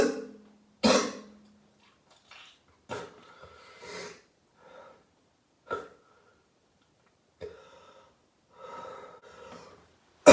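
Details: About four harsh, wet productive coughs bringing up mucus, with breaths and throat sounds between, from an adult ill for about 3 days with possible coronavirus.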